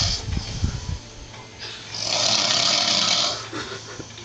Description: My fat Dad passed out and snoring